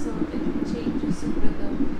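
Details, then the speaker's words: Fetal heartbeat on a Doppler monitor during induced labour, with contractions also monitored: muffled rhythmic whooshing pulses with uneven rhythm as the baby keeps moving. "That sound that you're hearing is our baby's heartbeat. He has a lot to say. He keeps moving,"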